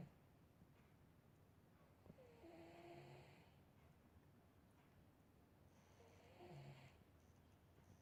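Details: Two soft, drawn-out nasal snoring breaths with a faint whistling tone, over quiet room noise, from a sleeping cat (Sunny); snoring.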